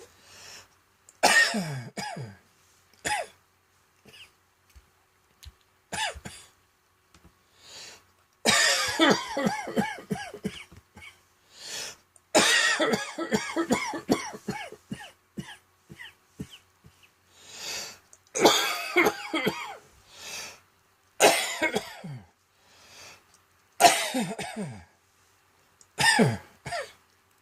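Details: Adult with a seasonal autumn throat tickle, expected to develop into cold, throat infection and bronchitis, gives repeated bursts of dry, hacking coughs and throat clearing; cough from throat irritation.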